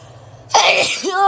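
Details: Girl undergoing a COVID-19 nasal swab test: a single sudden, high-pitched swab-induced sneeze followed by a brief voiced sound.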